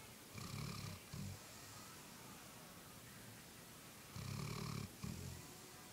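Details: Golden retriever snoring: low rumbling snores recur in pairs, each a long rattling breath followed by a shorter one, over a quiet room hiss.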